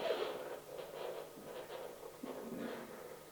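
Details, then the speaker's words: Faint rhythmic whooshing pulses from a handheld Doppler demonstrated during a scientific session: triphasic arterial Doppler signal. "can you hear the triphasic sound it's over the ril Tre no"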